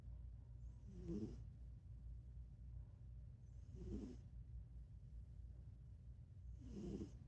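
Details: Soft, regular snoring breaths about three seconds apart, roughly 20 per minute, over low room hum: a sleeping cat snoring.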